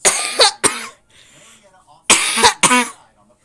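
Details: Child reported to have whooping cough (pertussis), coughing during a tantrum: harsh coughs in two quick pairs, fitting paroxysmal coughing.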